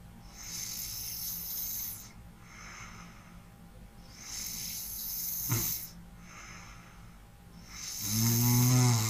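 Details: ASMR snoring and light breathing for relaxation: rough, rumbling snores on breathing in, with softer breaths out between, about four breaths in nine seconds; snoring.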